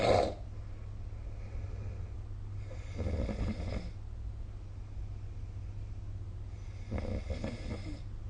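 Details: Snoring recorded with a snoring-recorder phone app: rough, low snores returning about every four seconds, one on each breath in, over steady room hum.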